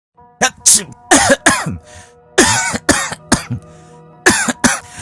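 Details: Simulated cough from an adult actor in a cough-syrup commercial: repeated harsh, explosive coughs in clusters over background music; the scripted character has been coughing and sneezing persistently for three days.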